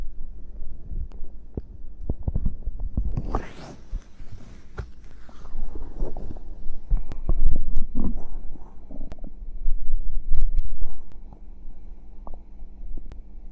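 Low gurgling and rumbling with irregular bubbling pops, typical of stomach growling from gas and fluid moving through the gut.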